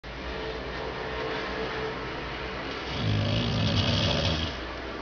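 Steady low rumbling breath noise that swells into a louder, rattling snore partway through, heard over constant background hum.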